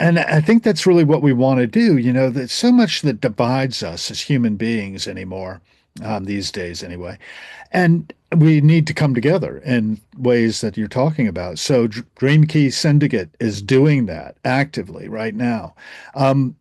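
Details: Adult male speaker; normal voice.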